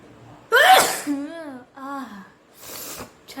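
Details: Woman doing a sneezing challenge gives a loud, sharp, deliberately provoked sneeze burst, then voiced sounds and a second, softer sneeze-like burst.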